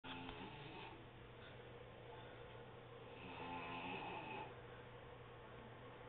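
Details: Adult woman (aunt) snoring while napping at 1 pm, recorded on an HTC mobile phone: soft, faint snoring breaths over steady background hiss, the second of two snores slightly louder.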